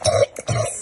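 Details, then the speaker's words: Adult woman coughing while recovering from COVID-19: two harsh, voiced cough bursts, each under a quarter second, with a brief gap. "let me come back over here and just see since without having the duplication if you can hear her cough"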